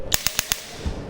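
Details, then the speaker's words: Radial compressed-air shockwave therapy device demonstrated on a man's back: four sharp, evenly spaced pneumatic clicks about eight per second, then a soft thud, as the device fires pulses. "and also the shock wave therapy with compressed air and and we're actually gonna show you right now if actually press it is"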